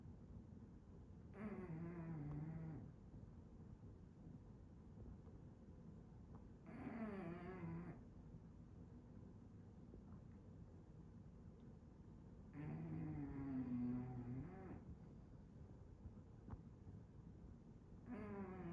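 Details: Snoring in an English Bulldog: loud rattling snores on inhalation, one about every five to six seconds, roughly 11 a minute, with quiet breathing between.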